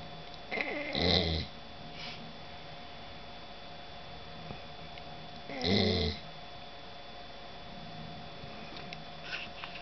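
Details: Dog asleep, exhausted after four days of travel and a dog show; two short, fluttering snores about five seconds apart over soft room hum; ordinary snoring.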